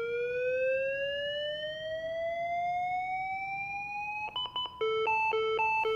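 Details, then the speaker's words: Manual defibrillator (LIFEPAK 15) charging to 200 J biphasic with external paddles on a training manikin, per ACLS: steadily rising tone, then rapid repeating beeps signalling ready to shock. "Initially I have to select the proper jewel then I will charge the defibrillator."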